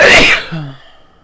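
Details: Induced sneezing: a single forceful sneeze with a short voiced tail fading out, one of a series of sneezes.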